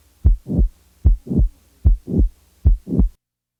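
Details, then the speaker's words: Simulated heart sounds on a teaching recording, patient with mitral valve prolapse, about 75 a minute, click removed: a murmur late in systole running into the second sound, a late systolic murmur. "the next example is that of of a late systolic murmur in a patient with a mitol valve prolapse now the mid systolic click is [Music] added now a late systolic murmur is added"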